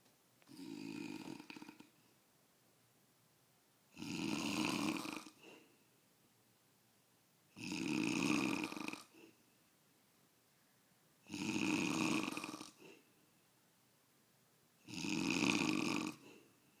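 Five rasping snores at regular intervals, roughly 17 a minute, with quiet pauses between; ordinary snoring on each breath in.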